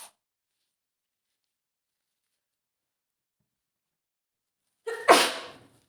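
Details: Female with an early head cold caught from her sick boyfriend: a single forceful sneeze with a short in-breath before it, after a long silence.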